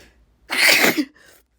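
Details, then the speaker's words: Self-induced sneeze triggered by tickling inside the nose with an object, with brief talk between attempts: a single loud, explosive sneeze with a brief intake of breath before and a short tail after. "Besides, once I find the spot, I have to"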